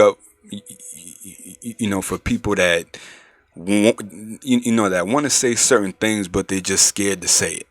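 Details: Male adult who stuttered severely in middle and high school, now mostly outgrown, still slightly audible and worse when nervous, says he can control it; stuttering (mild).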